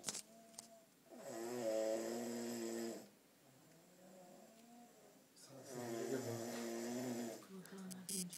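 Two drawn-out, buzzing snores about four seconds apart, with quieter breathing between them; ordinary snoring.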